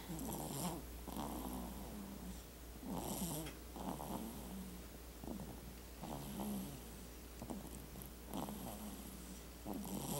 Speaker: yep that would be snoring she definitely got that from the day ringer side